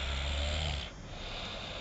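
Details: Man snoring: a single loud, low rattling snore on an in-breath, followed by quieter breathing noise.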